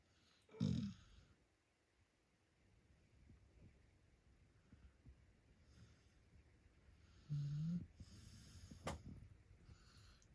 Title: Puppy SNORING 💤 like a DRUNK PERSON 🐶😂#viral #dog #puppy #shorts #short #dogs